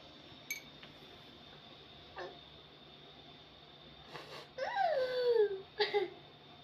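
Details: Infant crying.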